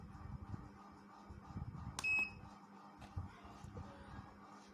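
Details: A single short electronic beep in a quiet room as a high-power deep-tissue physiotherapy laser machine for back pain is started after setting treatment time; device start beep.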